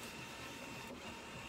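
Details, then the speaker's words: ECG machine printing during an electrocardiogram on a Shih Tzu dog, with electrodes applied using alcohol and cream and a recording of about 3 minutes: steady mechanical whirring and fine ticking as the recorder continuously feeds out paper. "で、記録できますってここにちょっと出てくるから、うん、で、これの時はもう記録のボタン押すと紙がずっと出てくるので"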